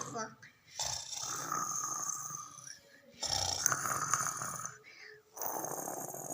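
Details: Snoring: three long, noisy, rasping breaths separated by short pauses, with faint room noise.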